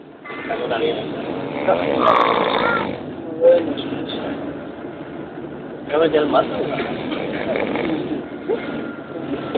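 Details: Loud, rough, rattling snores in long drawn-out breaths with brief pauses between them, likened to an engine revving.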